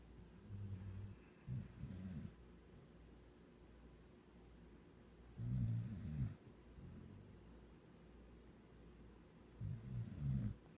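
Low rumbling snores on the breath, roughly three over eleven seconds, with quiet breathing between; ordinary snoring.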